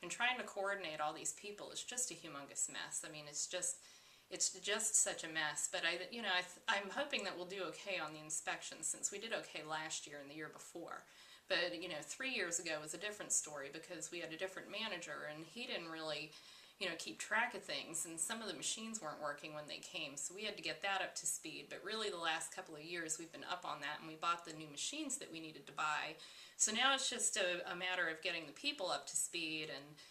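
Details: Acted client example of pressured speech, said to be common in anxiety and manic states of bipolar disorder: accelerated, excessive, hard-to-interrupt talking; pressured speech.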